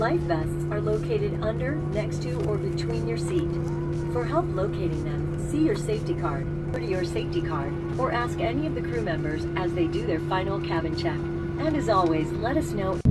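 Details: Adult woman, recorded safety announcement; ordinary speech.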